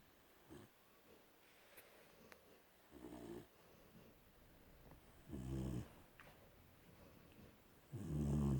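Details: Snoring; low, fluttering snores on three breaths about 2.5 seconds apart in a quiet room.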